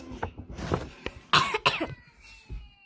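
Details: Two quick, sharp coughs in close succession from a child during play, with faint background sound: cough.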